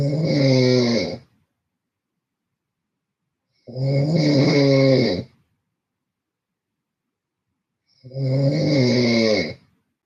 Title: Loud Snoring Sleep Stream